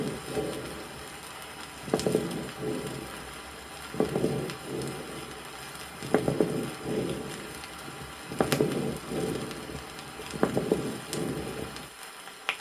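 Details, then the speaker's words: Lung abscess patient: ringing medium-bubbling moist crackles over bronchial breathing, loud bubbling on harsh breath sounds at about 6 breaths a minute; 1964 USSR vinyl teaching recording. "следующая запись произведена у больного с абсцессом лёгкого прослушиваются звонкие сред пузырчатые влажные хрипы на фоне бронхиального [музыка]"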